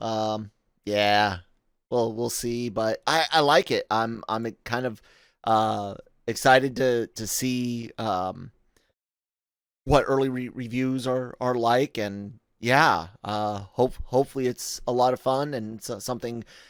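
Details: Adult male podcast host with self-acknowledged stuttering, in spontaneous speech with word and part-word repetitions and fillers; stuttering.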